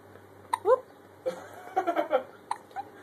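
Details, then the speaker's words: Infant with hiccups: several abrupt, brief hiccup sounds mixed with small baby vocal sounds in a quiet room; an adult worries about making the hiccups worse. "oh no i'm increasing the hiccups i'm making them worse"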